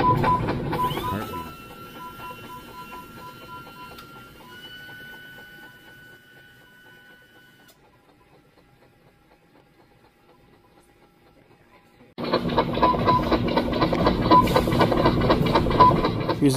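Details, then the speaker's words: Doppler heartbeat monitor during a veterinary tooth-trim procedure on Bengal, a small animal with an overgrown premolar, giving rapid rhythmic whooshing at roughly 240 beats a minute. "Again, that rhythmic whooshing sound is Bengal's heartbeat."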